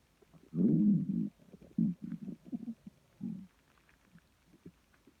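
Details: Adult female's stomach growling and rumbling at 4am, loud enough to wake her: borborygmi.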